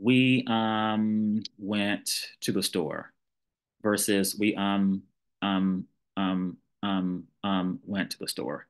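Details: Demonstration contrasting typical disfluency with stuttering: a phrase repetition used atypically with a feeling of being stuck; stuttering (repeated interjections before a word).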